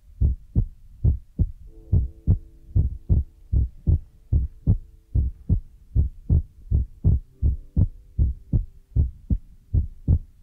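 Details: Heartbeat sound in an ASMR relaxation recording: steady low thumping at about 75 beats a minute, with a faint background hum.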